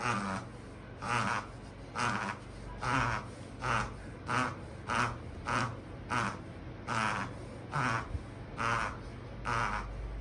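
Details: Repeated harsh goose-honk coughs, about 70 a minute, from a Pomeranian, tagged as tracheal collapse and bronchial narrowing; the typical goose-honk cough of tracheal collapse.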